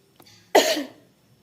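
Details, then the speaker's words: Demonstration by a nursing student of deep-breath relaxation then effective cough: short breath in, one strong forceful cough to expel secretions, with a sputum pot of disinfectant held ready; effective cough technique. "diusahakan untuk batuknya itu diem sedikit agak kuat supaya sekretnya dapat dikeluarkan dengan baik atau sekretnya dapat keluar dengan banyak ketika sudah melakukan batuk efektif"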